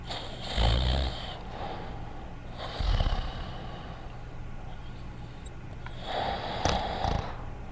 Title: Dogtanian Sleeping & Snoring